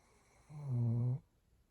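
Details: A single low, rumbling snore under a second long in a quiet room, recorded at New Year 2023; snoring.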